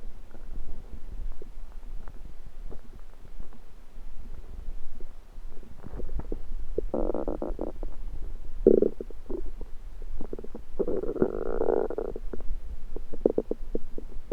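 Soft gurgles and a couple of longer, louder rumbling growls from the belly; ordinary stomach rumbling.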